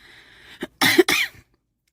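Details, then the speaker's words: Two harsh coughs in quick succession after a short throat sound from an adult whose cough from a lingering cold worsens at night despite medication. "밤만면 밤만 되면 기침이 너무 많이 나와요 이게 감기가 낫지 않는 거 같습니다"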